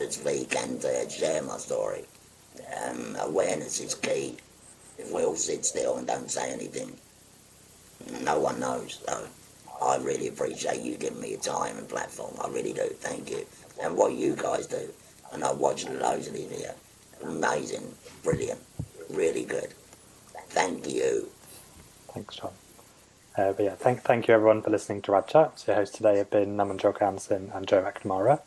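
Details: 57-year-old man after total laryngectomy for stage four laryngeal cancer, speaking through a voice prosthesis by pressing a button to occlude the neck stoma; tracheoesophageal speech.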